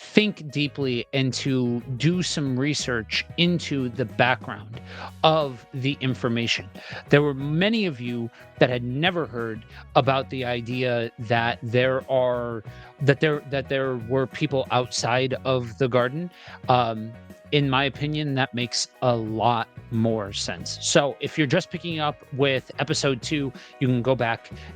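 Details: Adult man with a self-described speech impediment, reading scripture aloud: stuttering.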